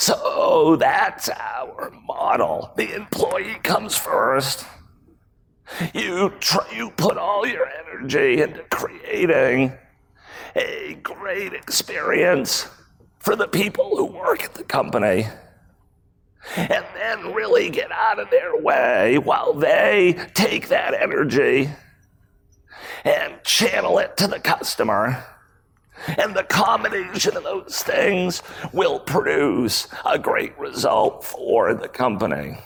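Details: Adult male with spasmodic dysphonia, a rare voice disorder acquired in 2010; throat muscles spasm and contract when he talks, making speaking sometimes difficult; real speech from a keynote talk.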